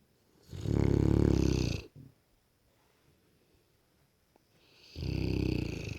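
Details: Sleeping Cane Corso dog snoring: two long, loud, rumbling snores with a quiet pause between them.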